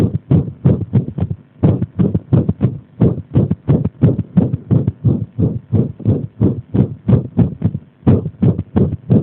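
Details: Irregular heartbeat deliberately provoked by applying pressure: rapid, repeated low heart thumps with uneven spacing and occasional longer pauses between beats; arrhythmia.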